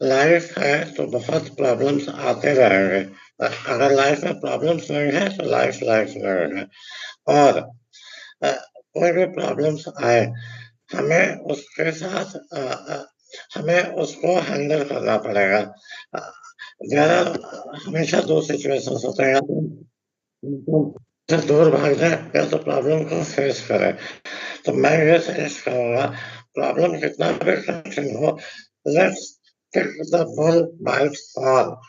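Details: Adult male with left vocal cord paralysis after neck cancer treatment and partial tongue removal, after online voice therapy; pronunciation unclear, loudness reduced by phonatory gap; dysphonia from left vocal cord paralysis with reduced tongue articulation.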